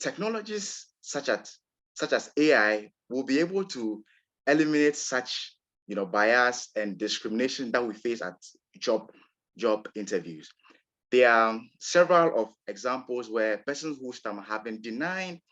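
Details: Real recording of an adult man from Ghana who describes himself as a person who stammers; stuttering.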